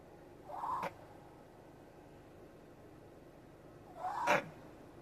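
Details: Two separate noisy breaths, each with a whistling, musical edge; wheezing in an animal.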